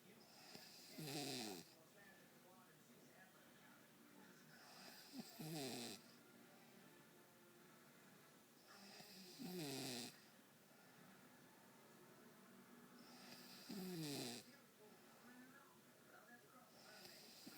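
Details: Sleeping person snoring until their nose was pinched: loud, rattling inspiratory snores about every four seconds (roughly 14 a minute) with quiet breathing between. Ordinary snoring.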